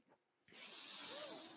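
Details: Mechanical ventilator airflow from the speaker's own ventilator, heard during speech.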